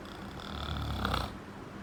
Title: Snoring 7